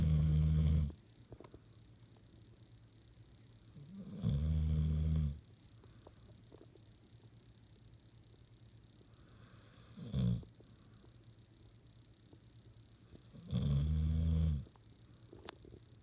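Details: Snoring in a sleeping adopted female dog: deep, low rumbling snores, about four in sixteen seconds, over a quiet steady hum.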